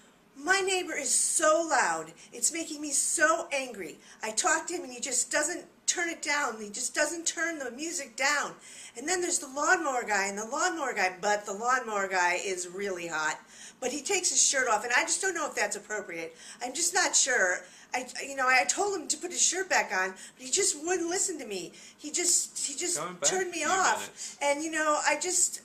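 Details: Pressured speech in a woman (training case example), coded so because of fast rate and difficulty for the interviewer to interrupt; circumstantial thought process with possible rumination.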